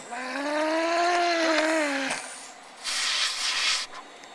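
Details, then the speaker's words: Cough-assist (mechanical insufflation-exsufflation) via tracheostomy after saline drops, tube applied by nurse then pulled away and ventilator reconnected; drawn-out tonal whine then sharp rushing burst of air clearing secretions from the trach. "okay has been marinating with some saline drops in his trick and now Julie's going to put the cough tube up to him and"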